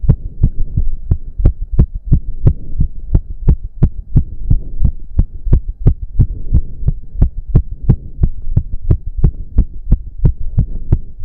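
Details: Male during a 15-minute intense cardio workout with heavy breathing: loud, regular, very fast pounding heartbeat, about 170–180 per minute, which the man himself put close to 200 bpm; exercise-induced sinus tachycardia.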